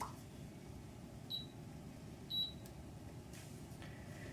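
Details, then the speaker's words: Two short, faint high beeps over quiet room hiss: calibration confirmation tone of an E-Statis dental motor control unit after pressing and holding the min button with no air pressure. "all you need to do is press and hold the min button with no air pressure until you hear the beep"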